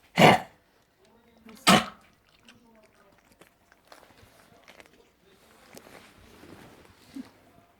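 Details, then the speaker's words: Dog with canine influenza giving two loud, harsh, explosive coughs, then quiet room sounds. "Васенька, Вася, ти чого кашляєш? Ти кашляєш? Кашляет. Вася кашляет."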